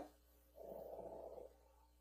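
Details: A single soft, rough, fluttering snore about one second long, heard in the background while a lesson is being recorded.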